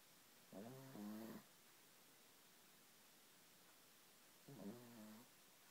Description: My MIL's chihuahua is caught snoring and then staring me down.